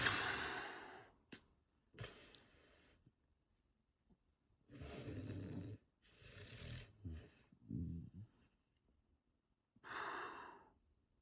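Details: Chihuahua's owner (dad) snoring while the dog cuddles him: noisy sleeping breaths in irregular bursts, some low and rumbling, some airy and snorting; snoring.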